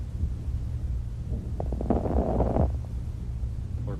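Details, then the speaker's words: Lung auscultation with a stethoscope during a nursing respiratory assessment: brief popping clicks over breath sounds, demonstrating crackles, an abnormal lung sound. "we are looking for vesicular sounds or normal lung sounds [Music] we are looking for crackles either fine"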